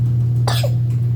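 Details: 4-month-old baby girl covers her mouth and gives a single brief cough over a steady low hum. Infant cough.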